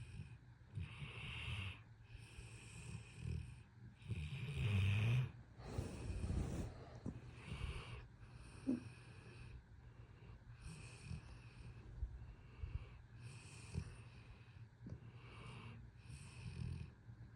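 Repeated rough, low snorting snores with breathy noise, irregularly spaced, over a quiet room: ordinary snoring in a sleeping dog.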